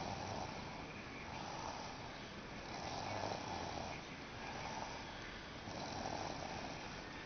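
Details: Soft, rough snoring rising and falling with each breath over steady background noise; snoring.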